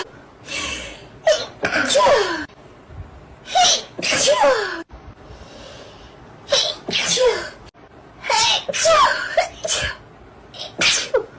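Sharp, explosive sneezes follow one another rapidly, many with a breathy build-up before them; a run of sneezes.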